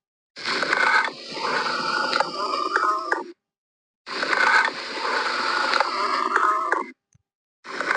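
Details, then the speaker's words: Auscultation teaching recording: loud, hollow breath sounds of high intensity with a ringing metallic tone, like air blown across a large-mouthed jar: amphoric breathing over a large lung cavity. "ये जो अभी आपने sound सुनी यह एक M four bleeding की station है"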